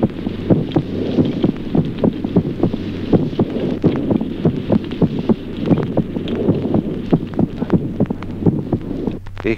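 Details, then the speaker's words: Normal heart sounds in a child with simultaneous respiratory sinus arrhythmia: paired heart sounds whose spacing varies slightly with breathing. "ejemplo segundo signos auscultatorios normales en el niño arritmia respiratoria simultánea"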